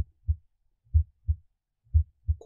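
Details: Simulated normal heart sounds on an iPax auscultation simulator, chest piece at the tricuspid area: clean paired low thumps at about 60 beats a minute; sounds vary by site and fade away from the point of maximal intensity.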